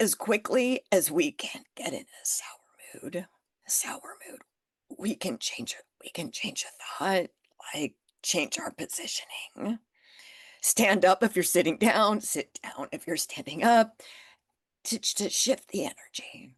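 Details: Adult with spasmodic dysphonia that began after stress and illness while building a business. It is still audible and being managed naturally; Botox declined: spasmodic dysphonia.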